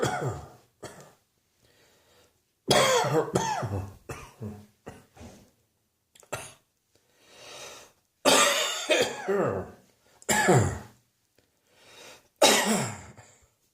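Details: Mid-morning winter coughing fit in an adult: harsh coughs in clustered bursts with brief pauses and breaths between, sustained.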